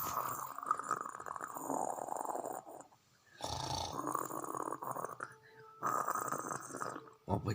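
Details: Snoring: long, rough, rattling breaths in repeated bouts with short quiet gaps between them.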